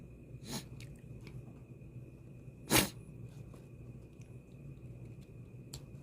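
A few short, snorting dog sneezes over steady room hum, one louder than the rest; sneezing from a nasal cold.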